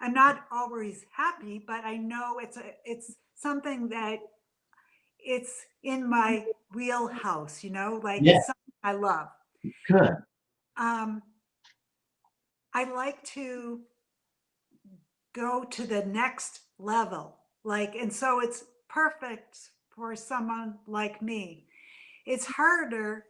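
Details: Adult woman with aphasia after a stroke from a brain AVM about three to four years earlier; still in speech therapy.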